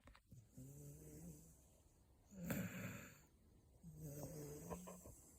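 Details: 4-year-old Beagle snoring loudly while asleep: two slow, rumbling snores on the in-breath with a quiet pause between; snoring.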